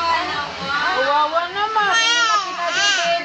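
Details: Infant crying in rising and falling wails with brief whimpers, in a small room; caregiver suggests the baby is hungry and the milk has run out; ordinary infant crying.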